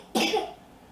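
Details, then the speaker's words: A young boy, who had been coughing all night, coughs toward a microphone: a single short, moist cough with a brief second push of air. "Now he's coughing towards you."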